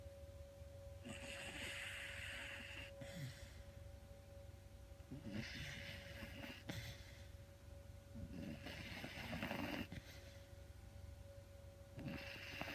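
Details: Sleeping, dreaming dog snoring: soft, wheezy snoring breaths with small snuffles, roughly every three to four seconds, over a steady low hum.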